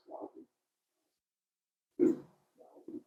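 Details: Radial artery Doppler during pre-surgical mapping for haemodialysis arteriovenous fistula, recorded as patient slowly opens hand after about two minutes of clenched fist; reactive hyperaemia, resistance index falls.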